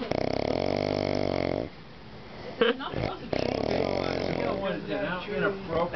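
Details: Man's heavy "chainsaw" snoring: a loud, harsh, buzzing snore on a long breath, followed by quieter breathing noise, with faint background talk.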